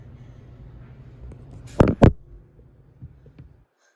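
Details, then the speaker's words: Adult sneezing from a lit cinnamon candle that normally causes no trouble: two sharp, loud bursts in quick succession in a quiet room, a double sneeze. "Normally cinnamon candles don't bother me. But this one is. I've had it lit before. It's no issues. But for some reason, this time it's getting to me."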